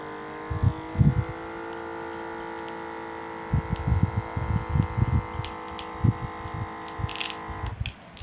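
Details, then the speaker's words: Omron HEM-7156 digital upper-arm blood pressure monitor on automatic mode, palm up on table: pump hum inflating the cuff, then soft pulsing thumps on deflation; reading 121/82 mmHg, pulse 85 bpm. "Selanjutnya, kita tinggal menekan tombol otomatis. Mari kita tekan saja."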